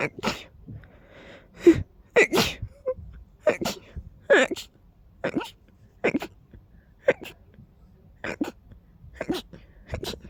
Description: I kept needing to sneeze and sneeze and sneeze and sneeze more and more! And they were coming so fast, I barely managed to finish one sneeze when the next one arrived! 🤧🤧🤧🤧